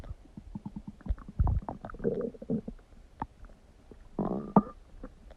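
Loud gurgling and rumbling from the belly, with bursts of rapid bubbling pops and longer growls; normal stomach rumbling.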